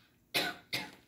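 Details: Voluntary cough on request from an adult woman during a chiropractic SOT cough test while the examiner palpates the L5 spinous process: two sharp, forceful coughs in quick succession.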